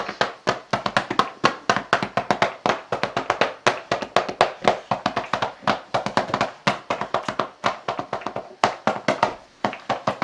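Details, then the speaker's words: Rapid hollow cupped-hand claps, about four a second, with both hands alternating the beat, during a parent's manual chest physiotherapy on a toddler with cystic fibrosis to loosen thick mucus; chest percussion. "instead of doing a constant drum I actually root alternate the beat so that my arms don't get as tired"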